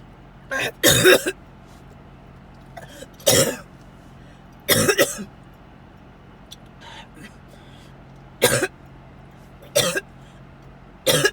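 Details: About seven loud, harsh cough bursts over steady car engine noise, recorded in a car on the way to the hospital/ER during a series of coughing attacks; coughing fits.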